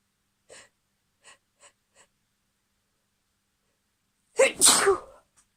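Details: Couple more sneezes from a female.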